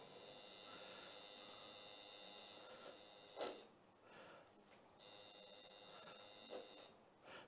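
Over a steady electrical hum, two brief crackling bursts follow needle movement and die away quickly: normal insertional activity; a voice starts at the end.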